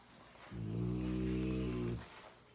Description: I can’t sleep without my mastiff snores. It’s such a beautiful sound. I consider it to be white noise.